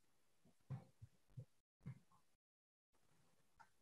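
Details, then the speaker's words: Patient example in a Vietnamese neurology lecture on tic disorders and Tourette syndrome: four soft, brief lip-smacking sounds in quick succession; simple vocal tic. "tiếng bập môi à tiếng thở hổng hện Tiếng giống như tiếng núi nước bọt vậy nh"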